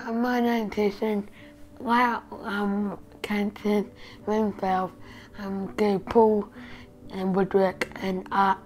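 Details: 12-year-old boy with Cantu syndrome, an extremely rare condition, receiving speech pathology for breathing, speech and oral motor skills (jaw, lips, tongue, teeth) after no prior therapy; initially unable to close lips for p and b sounds; speech impairment with oral motor difficulty.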